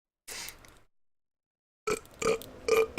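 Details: Loud burps likened to a bear's: several low, rumbling voiced belches, one early and three close together later.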